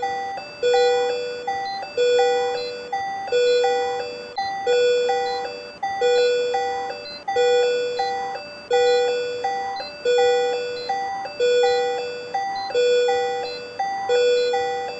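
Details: Capnography (CO2) monitor: a regular electronic chime pattern repeating about 44 times a minute.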